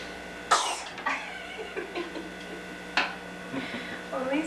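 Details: Two short, sharp coughs with small throat-clearing sounds and quiet vocal noises between them; the person filming asks whether she is faking it.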